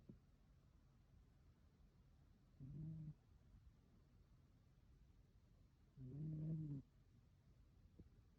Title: Cute cat snoring 💤